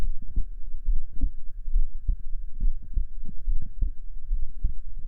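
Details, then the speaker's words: Soft, regular low thumps at about 70 a minute under a faint steady hum; a simulated heartbeat heard through a stethoscope in a 3DIO binaural ASMR role play. "And not listening to the sound of your heartbeat or someone else's can calm you. So, how about you listen to mine?"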